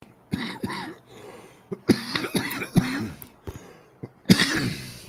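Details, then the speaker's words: Adult man has a short coughing fit of several harsh, voiced coughs in a small room while talking. "All right, excuse me. I had a cough. Hopefully you guys didn't hear that."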